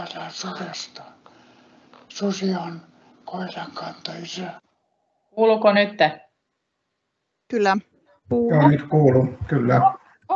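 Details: Adult speaker; Breathy, rough dysphonia from unilateral vocal fold paralysis.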